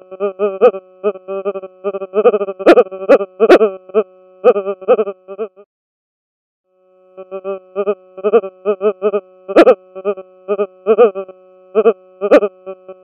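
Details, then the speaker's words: EEG sonification from a rapid-response EEG system: brain sound during seizure or seizure-like activity, with loud repetitive rhythmic fluctuations, the hallmark of a seizure, unlike flat white noise. "the sound of the brain during seizures or seizure-like activity contain repetitive rhythmic fluctuations [Laughter] note the repetitive rhythmic fluctuations that are the hallmark of a seizure"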